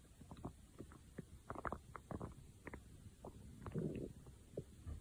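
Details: Stomach growling: soft gurgles, squeaks and bubbling sounds in irregular bursts over a low background hiss.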